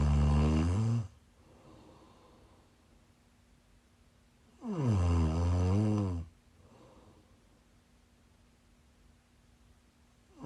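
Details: Live-streamed sleep recording of a sleeper who is sick: deep, loud snores on each in-breath with softer breathing out, about 12 breaths a minute, in a quiet room; snoring.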